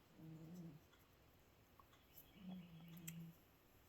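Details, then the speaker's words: Two soft, low buzzing snores from a sleeping pet cat in a quiet room: snoring. "And my cat's snoring, if you can hear him."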